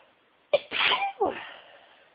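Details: Person who has been sneezing all day at work, now at home: a quick in-breath catch, then one forceful, hissing sneeze with a trailing exhale, part of repeated sneezing.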